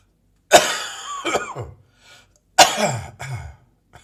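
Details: Morning coughing: two harsh coughing spells, each a strong burst followed by a shorter second cough, with some throaty rasp.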